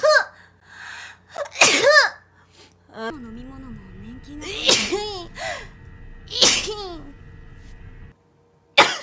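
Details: Sneeze from a female streamer, one clip from a compilation of her sneezes.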